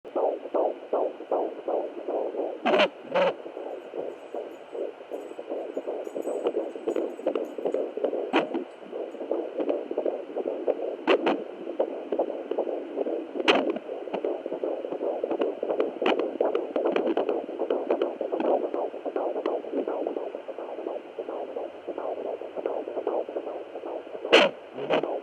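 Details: Fetal heartbeat at 15 weeks on Doppler: rapid whooshing beats, uneven in rhythm, broken by frequent thumps and scrapes from excessive, nonstop fetal movement; irregular fetal heartbeat.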